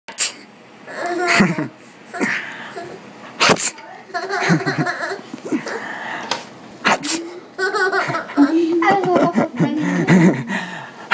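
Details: Sneeze followed by laughter.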